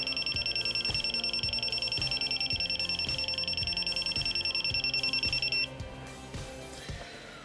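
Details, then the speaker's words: Rapid, evenly spaced high beeps, about 200 a minute, then stopping, from a Neatcell pulse laser firing during at-home tattoo removal, with music in the background. "I spend my laser I don't know why they make it beep it goes up to some different settings"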